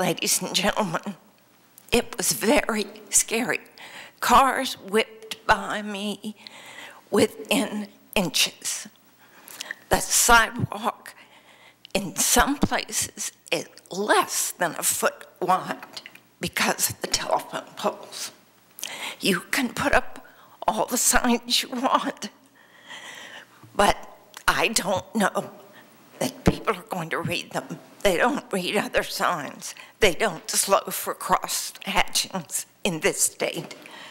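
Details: Vocal tremor in an adult woman who states she has a vocal tremor; real, not acted.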